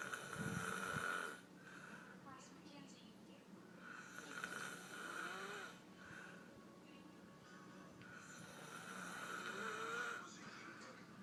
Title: Daddy snoring